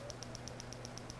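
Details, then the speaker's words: Rapid, regular sharp ticking pulses, about eight a second, over a low hum: PiezoWave2 Vet shockwave with 50 mm probe along a horse's back acupuncture meridian, intensity raised to full power, horse tolerating it well. "so I'm gonna go up in intensity that's 15 17 so you can see that even at full power he's tolerating this really well"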